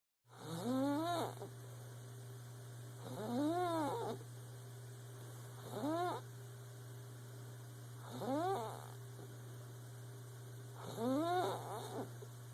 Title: Squeak-a-snore